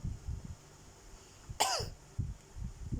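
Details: Isolated cough: a single short, voiced cough with a falling pitch against low rumbling handling noise.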